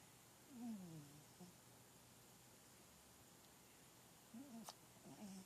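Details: A sleeping cat gives faint, squeaky, falling-pitched breath noises a few seconds apart over a quiet room background: soft snoring.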